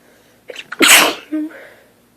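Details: Human sneeze fit on waking while lying in bed, recorded on a phone, progressively getting stronger: quick indrawn breath and short catch, then one loud explosive sneeze with a brief voiced sound after; sneeze.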